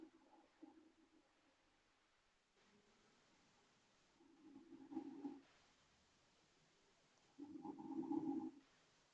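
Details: Snoring from a sleeping adult woman (an aunt): three low droning breath sounds, each about a second long, separated by quiet pauses.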